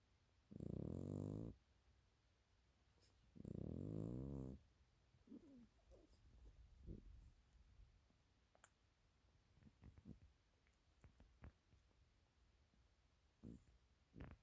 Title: Sweet Cupcake snoring.